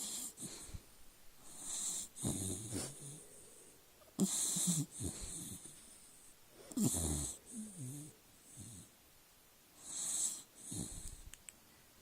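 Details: Dog sleeping on his back snoring: repeated noisy, rattling breaths with snorting and a whistling edge, about 25 a minute.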